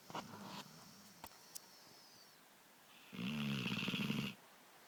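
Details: Two rough, rattling breath sounds during sleep, separated by a quiet pause; snoring.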